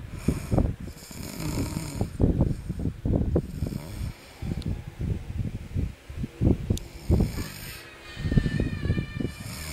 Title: the snoring baby